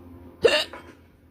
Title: listen to me violently hiccup #asmrsounds #subscribe #hiccupandtoothless #hiccups